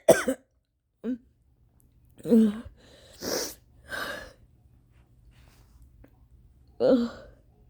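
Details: Extremely violent, mostly uncovered coughing fit at 4:30 AM after a sleepless night, attributed to rain-triggered allergies: forceful harsh coughs in short bursts with strained, gasping breaths, gagging, nearly vomiting, pauses between.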